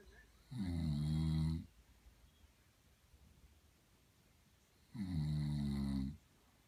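Two long, low, rattling snores about four seconds apart, with quiet breathing between them: ordinary snoring.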